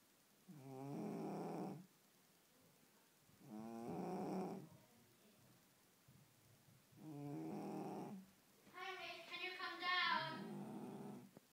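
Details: Sleeping female cat snoring in rhythmic rasping bursts, about one every three seconds, ending with a squeaky whistle.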